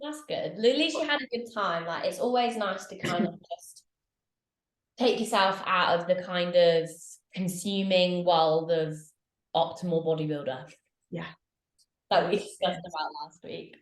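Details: Adult women talking, podcast-style conversation; ordinary conversational speech.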